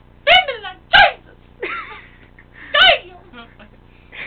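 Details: A person's run of three sharp, loud sneezes with a voiced, cry-like tail, the middle one after a short pause.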